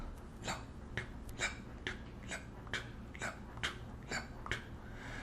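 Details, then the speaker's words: A cardiologist imitates normal heart sounds by mouth: lub-dub clicks at about 60 beats a minute with nothing between them, showing that no murmur should be heard. "so when we are listening to the heart normally we should hear just the hard sounds"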